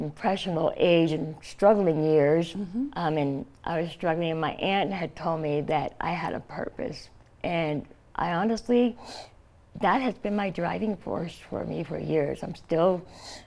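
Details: Adult woman, stage 4 epiglottic cancer survivor, treated with surgery, chemotherapy and radiation; scar-closed airway, open tracheal stoma covered by thumb to speak; partial glossectomy for tongue cancer, no teeth or saliva glands; tracheostoma speech with mild slurred articulation.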